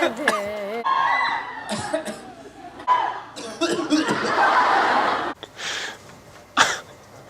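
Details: Adult male singer coughing several short, dry coughs amid talking and laughter in a large room; cough.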